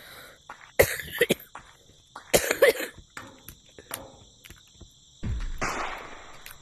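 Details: Person who says they are super sick with a bad cough: repeated harsh cough bursts in two clusters with throat clearing, then a long breathy exhalation, over steady insect-like background noise.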